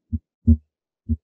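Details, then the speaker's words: Harvey cardiology simulator, stethoscope at the right upper then upper left sternal border, timed with carotid pulse: normal heart sounds at the base, S2 louder than S1, about 63 beats a minute. "you'll notice that the second heart sound is louder as you would expect here at the base of the heart similarly it's still louder than the first heart sound"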